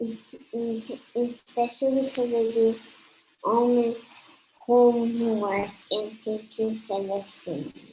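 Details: 9-year-old boy with cluttering.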